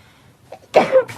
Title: apink sneeze compilation ♡